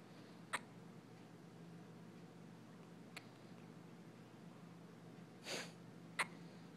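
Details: 2-week-old baby girl with hiccups: four brief, sharp, quiet catches at irregular intervals over steady room hum.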